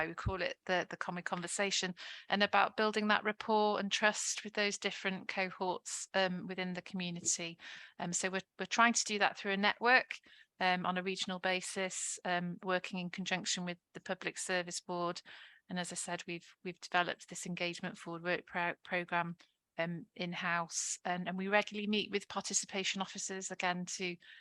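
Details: Adult woman speaking; unaffected speaker.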